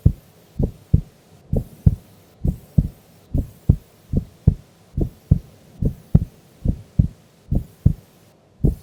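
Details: Female recorded asleep during an afternoon nap: steady paired heart sounds at about 70 beats a minute; normal heart sounds.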